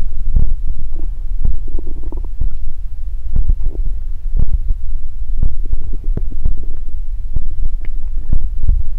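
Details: Close-up body ASMR recording of a person's stomach: low rumbling gurgles and soft bubbling from the belly, ordinary stomach growling (borborygmi).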